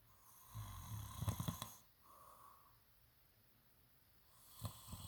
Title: low key snoring